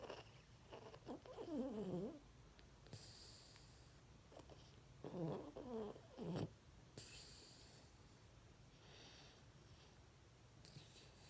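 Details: Rescue mini pocket beagle sleeping and dreaming: soft, quiet snorting breaths with brief whimper-like dream noises; light snoring.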